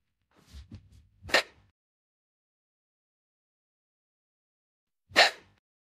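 A brief in-breath, then a sharp burst, with a second burst a few seconds later. Two sneeze-like sounds, AI-generated.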